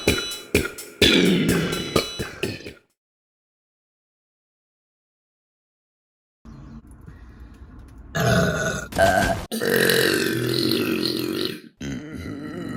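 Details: Burping compilation: a string of loud, guttural belches with a short silent gap between them; burping.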